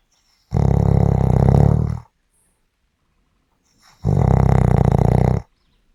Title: 5 Minutes of snoring Audio